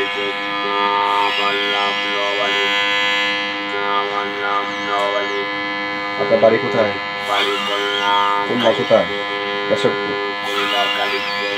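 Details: Electrolarynx speech after total laryngectomy: a battery-operated device held against the neck, whose sound is shaped by the mouth into speech that sounds mechanical.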